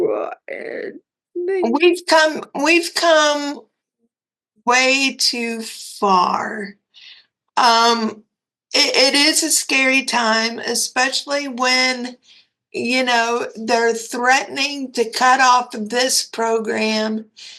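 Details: Dysarthria from cerebral palsy in a 56-year-old woman with quadriplegia; a commenter said she sounded like she was having a stroke.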